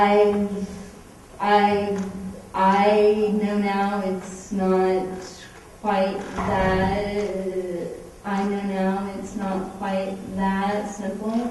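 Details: Adult woman with cerebral palsy, a medical marijuana patient, whose cerebral palsy shows most visibly as a stutter; stuttering with cerebral palsy.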